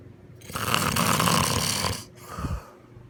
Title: Big snoring Part 2 #funny #sleep #打呼 #打鼾